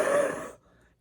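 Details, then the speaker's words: Adult smoker of hand-rolled cigarettes demonstrating his breathing: a single harsh, raspy breath with a faint wheezy tone, cutting off after about half a second. "so I wouldn't recommend them because my cough like this is what I sound like when I breathe"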